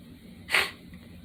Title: Bedroom Sneeze Part Four Blowing The Nose With Dripping Snot sneezing